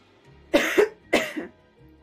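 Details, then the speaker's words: Adult coughs while crafting, with something stuck in the throat that is affecting the voice. "I need to cough again. I'm so sorry. I'll put this piece on and then I'll cough."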